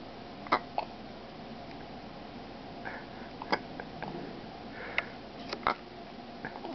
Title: Little Man Hiccups